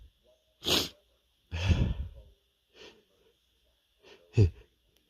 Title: Hitching Sneezes (m)